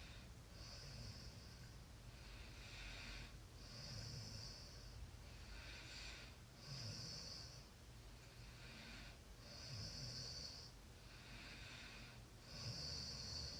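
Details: Soft, snorting, hissing breaths about 20 a minute with a faint low rumble; light snoring during sleep.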